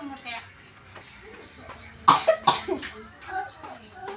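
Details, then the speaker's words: Child who is unwell with a cough and an itchy throat, unable to finish filming: a short burst of about three dry coughs, with soft talk before and after. "lagi batuk. Jadi enggak bad mood-nya ke jadi bad mood. Karena batuk, tenggorokannya gatal."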